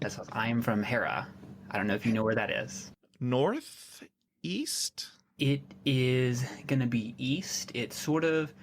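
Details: Stuttering in a 27-year-old man who has stuttered on and off for as long as he can remember; his father also stutters, and he currently stutters less than he used to.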